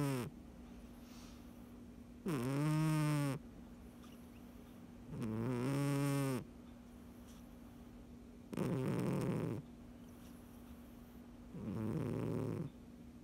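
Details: Sleeping cat: four slow, regular, buzzing snores about a second long, spaced roughly three seconds apart, over a steady background hum; cat snoring.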